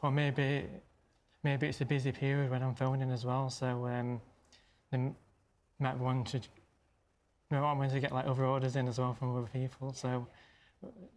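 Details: Stammering in an adult male; stammering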